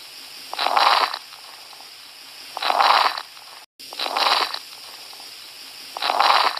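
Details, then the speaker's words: Sample coarse crackles audio: low, bubbling crackles through breath sounds, more common on inspiration and over the lung bases where fluid collects, pointing to fluid or secretions in the airways. "there are two types of crackles fine crackles and coarse crackles crackles are more commonly heard on inspiration"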